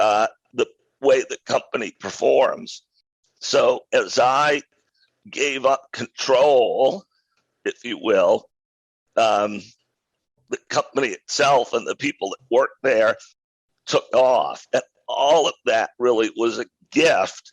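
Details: Adult man with a rare neurological voice disorder acquired in 2012 that made speaking difficult, still audible in his speech today; neurological voice disorder, possibly spasmodic dysphonia type.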